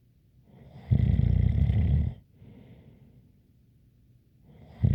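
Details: ASMR snoring recording: loud, coarse snore on the in-breath, then a softer breath out with a faint whistle and the next snore starting; snoring with a light whistle.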